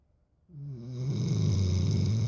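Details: Snoring: a single low, droning snore rises out of silence and grows louder and rougher as it goes on.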